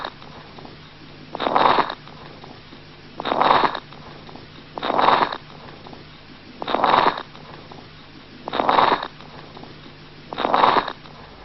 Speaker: it is crackles or crepitations